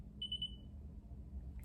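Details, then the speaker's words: iCare Home handheld eye-pressure tonometer switched off by holding down the button: a brief high electronic beep over low room hum. "all right and then we turn off the device by holding this down again"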